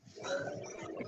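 A single rough, fluttering, snorting noise about a second long, like one snore, in a small room.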